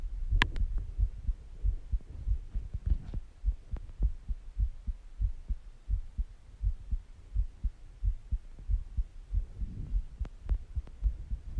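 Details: Heartbeat recording with breathing sounds: steady, regular low thumps at an even, unhurried pace with a low hum behind; normal heart rhythm.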